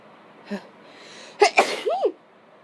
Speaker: so um I am sniffing pepper while trying to uh do some